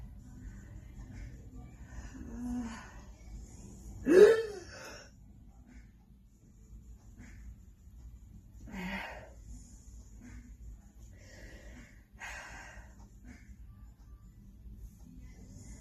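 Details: Adult woman with lingering symptoms after testing positive for COVID-19 in April: a sharp, rising involuntary gasp, preceded by chest pain and feeling short of breath, followed by softer breathy intakes; also reports extreme fatigue after exertion.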